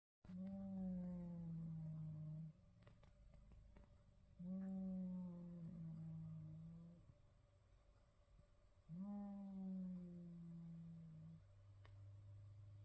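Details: Deep, droning, voiced snores about two seconds long recurring every four to five seconds, about 14 a minute, from a sleeping cat.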